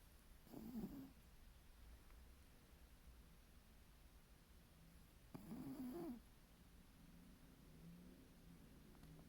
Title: Milo Snoring and Dreaming